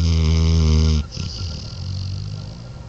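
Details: Morbidly obese black dog snoring while asleep: a single deep, rumbling, vibrating snore lasting about a second, fading into quiet breathing.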